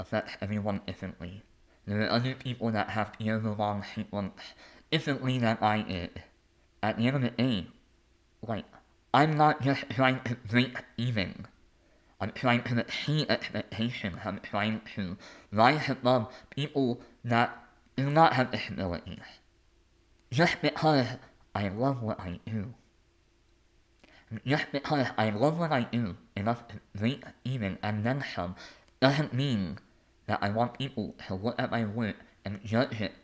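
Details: Adult male artist and conductor with a lifelong speech impediment; speech impediment.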